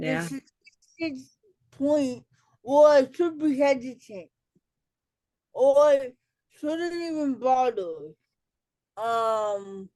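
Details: Adult woman with cerebral palsy, self-described as talking differently and possibly hard to understand; dysarthria (cerebral palsy).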